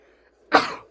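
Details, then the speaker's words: Adult tried to force through a sneeze they felt coming: after a quiet moment with faint room hum, a single sudden explosive burst of air fading in under half a second, one sneeze. "Sorry for that sneeze there, guys. I could hear it coming. I was trying to force myself through it."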